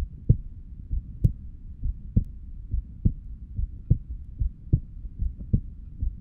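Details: Heartbeat recorded while lying down: steady lub-dub at about 69 beats a minute in a regular rhythm, normal heart sounds.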